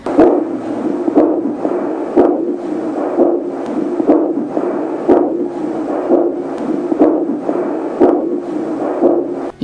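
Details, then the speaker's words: Cofoe JDB-100B fetal Doppler on a pregnant abdomen picks up the maternal abdominal artery, not the fetal heart: a regular whooshing pulse at about 60–65 a minute, matching the mother's heartbeat, with a device reading around 70. "腹部动脉节奏和妈妈的心跳一"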